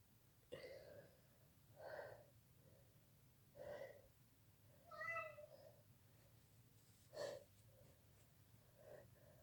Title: Powerful fit, kinda messy sneezing